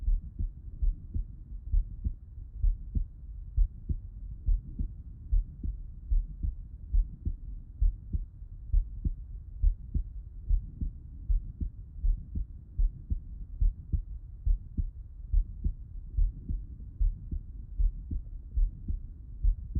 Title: Heart Auscultation Lying on the Left Side ❤️🩺